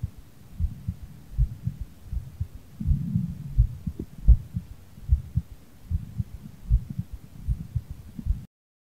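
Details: Heartbeat after light exercise, bowling on Nintendo Switch Sports: low, muffled thumps at about 86 beats a minute.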